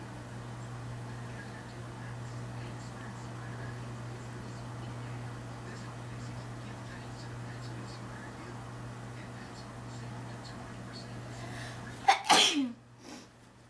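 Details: Induced sneeze: steady low room hum and quiet breathing, then one sudden sharp sneeze with a short aftersound near the end.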